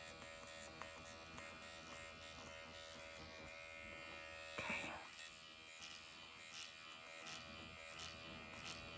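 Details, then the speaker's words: MD Needle Pen microneedling of the face, depth raised to 1.5 mm, with cross-hatch passes after forehead and eyes; steady high-pitched motorized buzz; under numbing ointment, described as almost painless, like a cat licking, and not bloody. "I'm gonna take it up to 1.5. Do the same motions. And then cross hatch."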